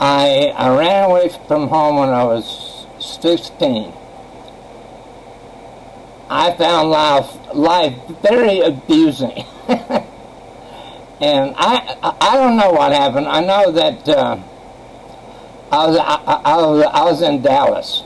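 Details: Adult man who has stuttered since age 7, attributed by a doctor to childhood trauma; once severe, later reduced by half with a new approach; speaking with pauses between phrases; stuttering.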